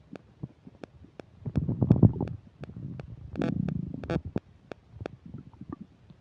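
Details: Loud gurgling and bubbling stomach rumbles with crackly popping, recorded close to the belly: active borborygmi while eating a burger and fish fries, with upset digestion.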